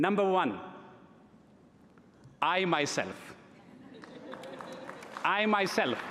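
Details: Adult man who has stuttered since early childhood, giving a live speech at a gala: stuttering.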